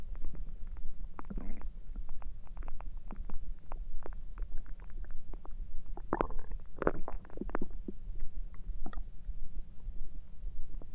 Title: Stomach noises through the night (1000 subscriber special) (voice reveal)